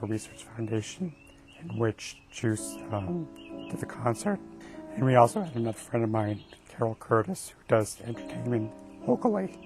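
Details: Spasmodic dysphonia of a rare mixed adductor and abductor type affecting the vocal cords of an adult man, developing gradually; treated with Botox injections into the throat and speech therapy.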